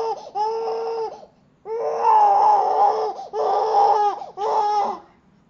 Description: my little cousin crying she is so cute